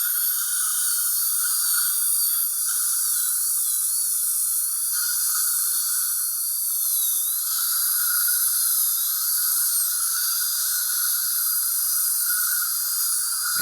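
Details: Steady high-pitched whine with slight pitch wobbles: a high-speed dental drill opening the interproximal embrasures for Lumineers veneers on an adult woman, avoiding the glazed labial surface.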